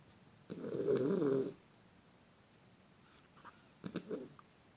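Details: Beagle asleep in a quiet room: one long rough snore, then a shorter fainter one; snoring.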